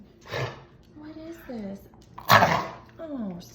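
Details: A dog coughs in two harsh, explosive bursts with short gliding voiced sounds in between.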